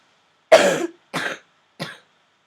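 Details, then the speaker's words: Three short, harsh cough bursts, each weaker than the last, in a quiet room, from a speaker who then apologizes for coughing; cough. "excuse my coughing guys um I just hope that you can hear me anyway"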